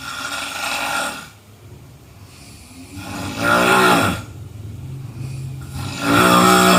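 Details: Three loud, rough, rattling snores at about 22 per minute with quieter breathing between: typical snoring from a sleeping adult.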